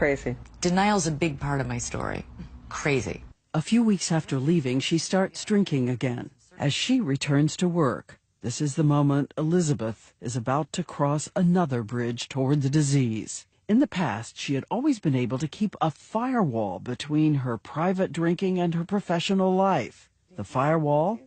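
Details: Adult narrator; normal speech.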